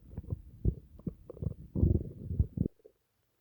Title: stomach noises after dinner